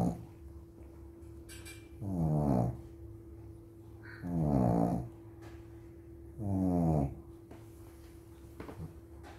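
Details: Preta, a sleeping dog, snoring: three slow, rough, rattling snores about one every 2.3 seconds over a steady background hum.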